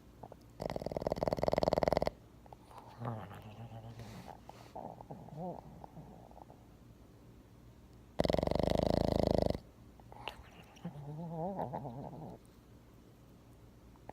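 Two loud, rough, rattling snores from a pet, each followed by a person's softer voiced imitation of the sound.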